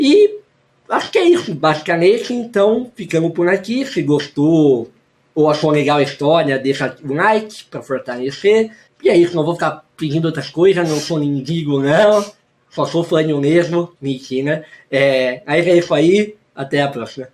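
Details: Hypernasal speech from congenital velopharyngeal incompetence in a male with normal vocal cords; late speech onset, about eight years of childhood speech therapy and a palatal expander; surgery was not possible.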